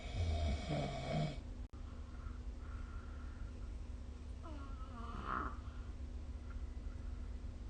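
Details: Snoring during sleep recorded with the SnoreLab app: a low, rough snore at the start, then quiet breathing with a faint later breath sound.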